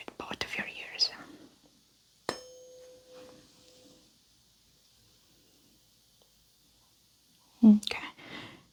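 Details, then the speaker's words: Simulated ASMR doctor roleplay, Weber test: a tuning fork struck and placed on top of the skull gives a clear, steady, slowly fading ringing tone amid soft whispering; the patient hears it equally in both ears. "I'm going to place it on top of your skull here and I want you to tell me if here and feel the vibration in both sides of your head and if you hear it"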